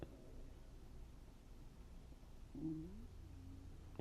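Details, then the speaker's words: Low rumbling stomach growl with brief gurgling and a rising growl over steady room hum, heard during a live stream; the speaker remarks that their stomach is audible. Bowel sounds (borborygmi). "You can hear my stomach. I might have to get off live for a little bit and cuz you hear it."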